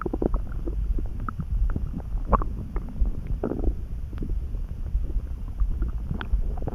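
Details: Stomach rumbling (borborygmi) that came on suddenly, neither hungry nor too full, felt in the pit of the gut and easing after a snack: low gurgling and bubbling rumbles with brief squeaks, steady over several seconds.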